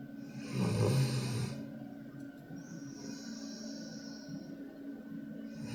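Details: Ellie, a 20-month-old female Pitbull x Kangal shelter dog, in deep sleep after a long day: one loud, rough, low rumbling snore on an in-breath, then quieter sleep breathing over a steady hum.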